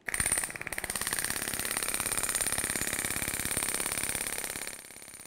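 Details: Storz Medical radial shockwave device with a Spine-Actor transmitter, used for paravertebral muscles, trigger points, muscular imbalance and pain: rapid, regular tapping pulses at about 3 to 4 per second with a faint high whine.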